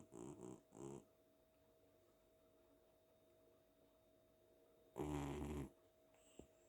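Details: Cat snoring on a pillow while asleep after a lively day at home: a few short fluttering snorts, then one louder rattling snore after a quiet gap.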